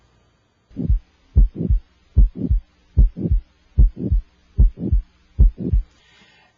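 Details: Electronic stethoscope moving up toward the aortic area, listening between S1 and S2 for murmurs: regular paired lub-dub beats about 74 a minute, quiet gaps, no whooshing: normal heart sounds without a murmur.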